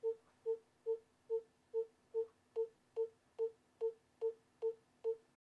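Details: A simulated obstetric fetal heart monitor gives steady regular beeps at about 143 per minute, a fetal heart rate in the normal range.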